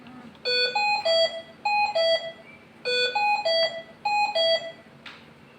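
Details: Repeating clusters of high electronic tones in a melodic pattern, about every one and a half seconds, from a Hamilton C-3 ventilator during setup; a ventilator alarm sounding.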